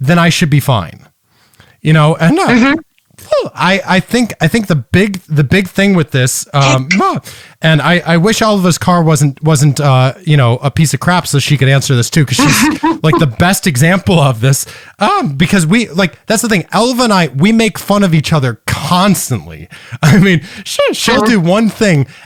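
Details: Man with Tourette syndrome whose tics include palilalia (repeating words or syllables), which has increased over the past couple of years, plus echolalia and squeaking; finding: Tourette syndrome with palilalia.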